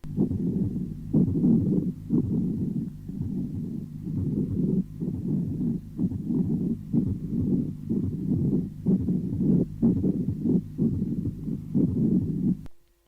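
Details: Grating, scratching pericardial friction rub from acute pericarditis, with systolic and diastolic components, usually heard at the apex and increasing on inspiration.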